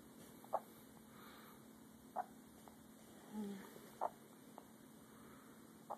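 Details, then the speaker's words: Infant son's first hiccups: four short, soft hiccup bursts, about one every two seconds, in a quiet room. "this is great first hiccups plate"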